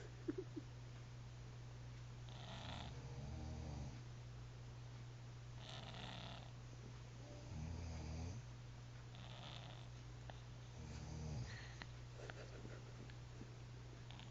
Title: Snoring.